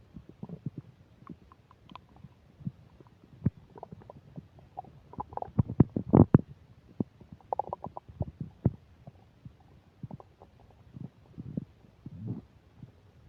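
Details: Frequent gurgles, squeaks and rumbles over thirteen seconds with faint static, recorded while eating a burger and fish fries: loud bowel sounds (borborygmi).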